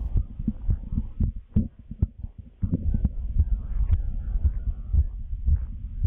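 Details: Normal fetal heartbeat in the womb: rapid, rhythmic whooshing thumps on Doppler at a normal fetal rate, quoted as 110–160 beats per minute, much faster than an adult's.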